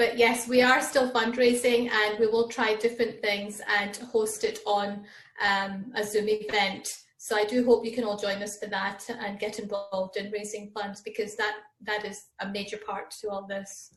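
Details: Adult woman speaking; ordinary speech.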